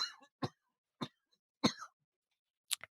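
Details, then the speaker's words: An adult's coughing fit the day after tear gas exposure at a protest, unable to take a deep breath since the night before: about five short, sharp coughs separated by brief pauses in a quiet room. "And I do apologize, but I am having some coughing fits. But I think it's important that you can hear some of that to know how this experience continues to affect into the next day."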